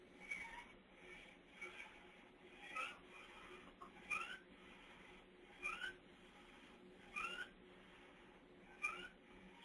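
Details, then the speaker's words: Harsh, high-pitched crowing stridor with each breath, about 40 a minute, in a very sick child with croup struggling to move air in and out. "So that high-pitched sound, that's the stridor."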